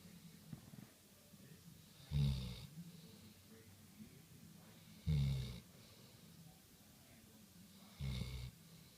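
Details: Golden retriever dog snoring while being petted: three low, fluttering snores about three seconds apart, roughly 20 breaths a minute; steady snoring in sleep.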